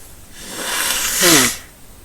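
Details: A drawn-in breath followed by one loud, explosive, hissing burst: a single sneeze, amid people talking, with nose-blowing and allergies mentioned; sneezing.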